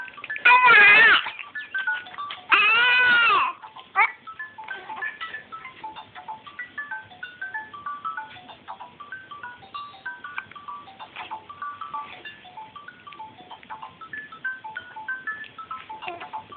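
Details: Two short, loud cries from an infant during mat play time, then a toy's tinkling music and soft baby sounds; ordinary brief infant cry.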